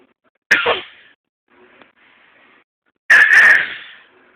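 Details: 6-month-old girl fake coughing to stay awake: two deliberate voiced cough-like sounds with quiet breathing between; playful voluntary cough, not a sign of illness.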